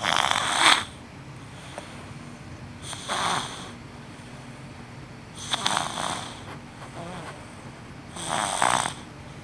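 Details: A 6-month-old baby snoring heavily while asleep: harsh, raspy snores about every two to three seconds over steady room hum.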